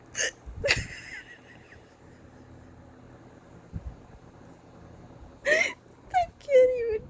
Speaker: I used to be really jealous of people who I can't hiccupping like this I just still I don't normally do this